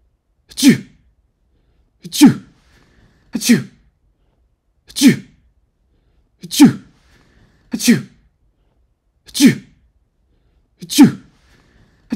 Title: Sneezing sounds (1 hour)